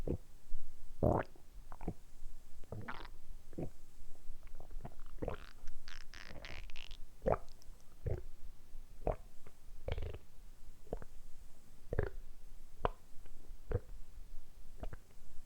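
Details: Repeated low gurgles, rumbles and squelches from the belly, recorded close up, deliberately produced for ASMR; normal stomach rumbling, borborygmi.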